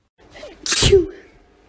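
A short indrawn breath, then one sharp, forceful sneeze with a voiced ending; a single sneeze.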